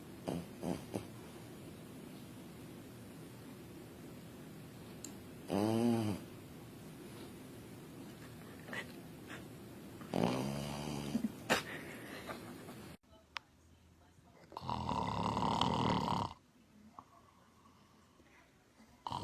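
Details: Snoring in a sleeping dog: a few rough, rattling snores separated by quiet breathing pauses.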